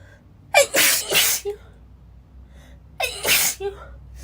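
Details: Girl sneezing while reading a passage aloud: two forceful sneezes about two seconds apart, each preceded by a sharp intake of breath, in a quiet room.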